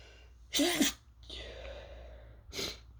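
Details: Two sneezes, a strong first burst and a shorter partly held-back second, with a breathy exhale between, triggered by toasting chili peppers with a sore throat; irritant-induced, partly stifled sneezing.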